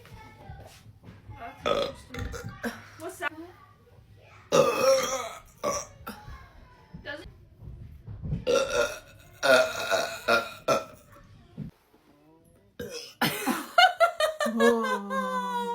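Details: Several loud belches mixed with talk and laughter from more than one person while drinking cherry Coca-Cola Zero; ordinary burping.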